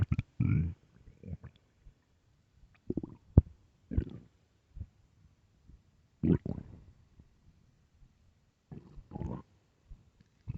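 Irregular low gurgles and rumbles from the belly, normal bowel sounds of stomach growling.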